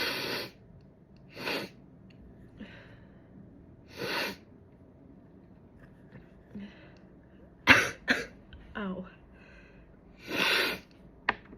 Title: more chhinkni sneezes yayyy